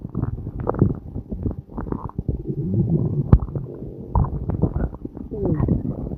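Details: Continuous low gurgling and rumbling with bubbly pops and brief squeaky pitch glides: ordinary stomach growling, normal bowel sounds (borborygmi).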